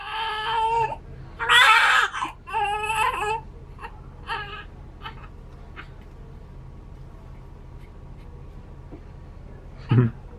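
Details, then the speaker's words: Newborn boy just after birth following a 28-hour unmedicated induction: several loud, high-pitched crying bursts fading to whimpers, with a soft adult voice and room noise. "I know, buddy. I'm sorry. Oh, I know. Oh, he does not like this. It's okay,"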